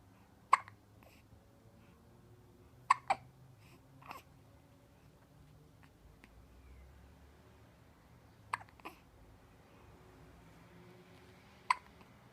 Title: hiccups